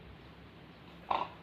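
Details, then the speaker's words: Nurse demonstration of effective coughing after breathing relaxation to clear sputum in an adult male patient: hand on chest, deep breath, hold 3 seconds, then one short deliberate cough. "lagi Pak, tarik nafas, tahan 3 detik, batukan Pak."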